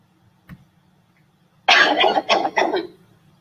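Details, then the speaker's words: Cough sample from the COUGHVID COVID-19 cough dataset, labelled healthy: a single forced throat-clearing cough in a few short bursts, not bad; a mild voluntary rather than involuntary cough. "yes so you can see they're kind of clearing their throat it's not really that that bad it doesn't have that sort of a voluntary cough instead of an inv involuntary cough"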